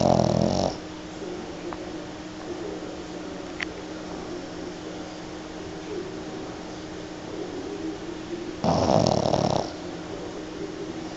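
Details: Pug snoring at high volume during a mid-morning lap nap: loud, rattling snore bursts at the start and near the end, with steady low breathing noise between them.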